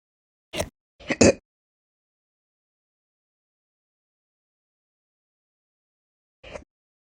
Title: 4/28/22, My Slow Hiccups (Chronic)